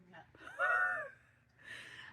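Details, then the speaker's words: Person with unusually loud, involuntary hiccups of unknown cause, reported as painful: a loud, high, squawking gasp-like hiccup likened to a chicken or peacock, followed by a softer breathy sound. "And I have no idea why I have hiccups, but they're super annoying. They're really loud. My neighbors probably think I got a chicken or peacock or whatever makes this sound."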